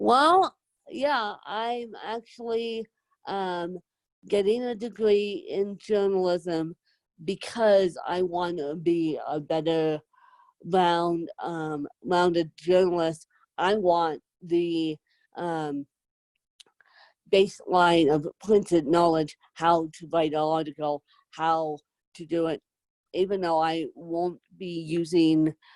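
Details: Adult woman with moderate to severe cerebral palsy, needing help 24/7; dysarthric speech in cerebral palsy.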